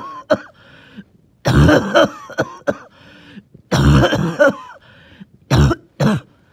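Several deep, wet coughs with throat clearing and whistling, wheezy breaths between them; a phlegmy, productive cough.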